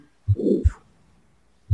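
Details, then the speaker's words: Simulated heartbeat from the Littmann Sound Builder iPad app with a harsh crescendo-decrescendo murmur between S1 and S2: aortic stenosis, shown in a lecture on older adults. "And I wanted to show you the aortic stenosis that we talked about. Can you all see? Okay. So this is going to, do you hear that crescendo,"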